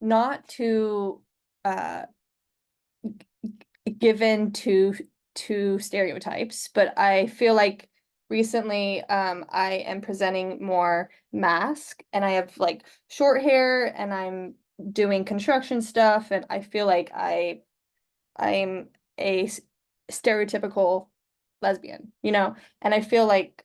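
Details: Adult man who stutters and is open about it at work; part-word repetitions and interjections are heard; stuttering.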